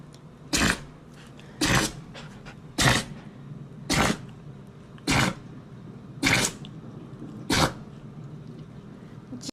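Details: Dog sneeze attack: seven short forceful snorting bursts about a second apart over steady room noise; a run of sneezes.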